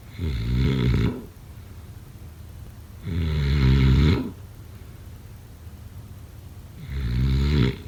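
Long, deep, fluttering snores on inhalation, roughly 18 a minute, separated by quieter breathing: ongoing snoring in sleep.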